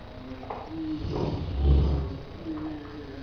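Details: Rottweiler snoring in sleep: a single deep, rumbling breath sound with low vibration.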